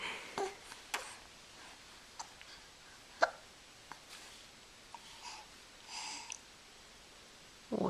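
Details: Recorded November 24, 2012 on a Flip Video camcorder: several brief sharp catches of breath at irregular intervals, about six in eight seconds, with faint room noise; hiccups.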